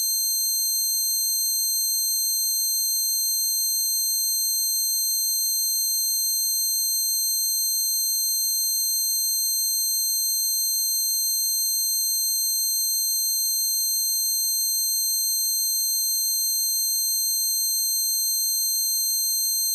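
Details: Steady high-pitched ringing tones with a faint pulsing flutter, a person's own recreation of the tinnitus they got from standing by an amp at a concert; tinnitus simulation.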